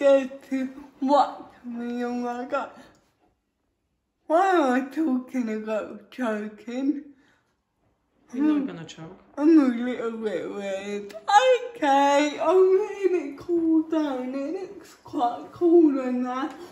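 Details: Real female adult with cerebral palsy, feeding herself with a Neater Eater feeding device for the first time without help; a speech disorder is inferred, not stated: dysarthria.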